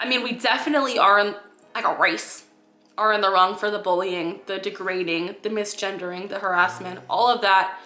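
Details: Vocal tics interrupting speech in a 26-year-old woman with Tourette syndrome, clinically diagnosed at age 12 by a psychiatrist, neurologist and pediatrician.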